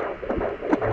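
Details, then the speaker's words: Home Doppler at 17 weeks of pregnancy, pressed hard on the abdomen: faint rapid whooshing fetal heartbeat about 140 per minute, weak but present over hiss; fetal heartbeat on Doppler. "I don't know this counter isn't very accurate but we can hear it there's a baby"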